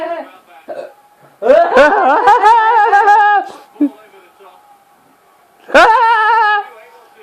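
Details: Two abrupt, sharp hiccups several seconds apart, each running into a drawn-out voiced sound, from a person said to be drunk.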